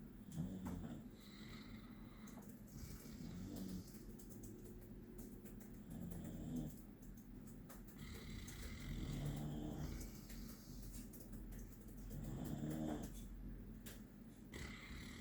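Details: Loud, rhythmic snoring from a sleeping 16-week-old puppy, about 20 breaths a minute, with soft rumbling on each breath.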